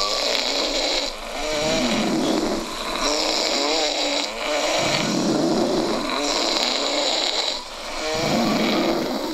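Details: Snoring: a loud, rattling, fluttering breath noise repeating in cycles every few seconds, with brief quieter gaps between breaths.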